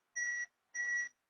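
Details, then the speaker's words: Basic life support training demonstration: two clean steady high beeps from the automated external defibrillator prompt the rescuer to continue CPR. "The shock is delivered. So it prompts to resume CPR. So we continue CPR again."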